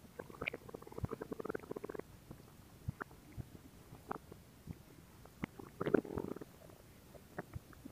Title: Stomach Sound [Stomach Growling][ASMR] [2022-07-14]